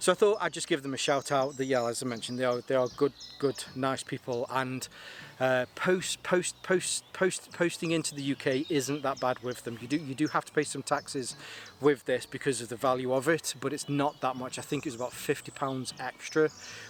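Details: Stuttering in an adult man whose stammer is linked to his anxiety; he takes propranolol, which he says has helped, and the stammer is lingering but improving, easier when talking on camera.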